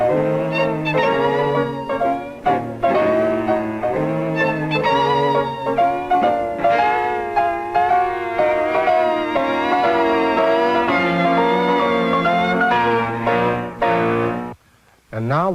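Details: Normal hearing reference: unaltered music, played for comparison with simulations of Beethoven's progressive hearing loss.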